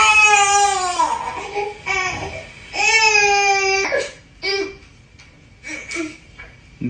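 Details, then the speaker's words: Infant crying at night at 2:43, recorded on a night camera, apparently hungry and fed about three minutes later; loud high-pitched wailing bursts, then softer fussing whimpers in a quiet room. "Это орет. В 2:43. Он есть, видимо, захотел."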